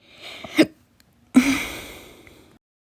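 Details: Slow hiccups after meals: two short, abrupt catches of breath about a second apart, each a sharp gulping burst with a trailing breath.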